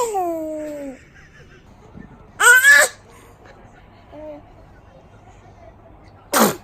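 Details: One-month-old baby boy: a soft cry-like sound, then a short sharp sneeze and a second sneeze near the end. Infant sneezing.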